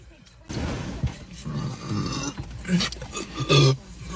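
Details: Several loud, low, rumbling belches with short pauses between them and faint music behind, after drinking; repeated burping.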